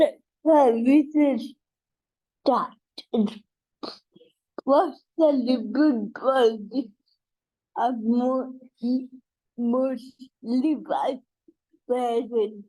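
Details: Dysarthria in an adult woman with cerebral palsy, real speech.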